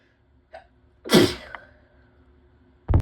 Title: Wet sneezes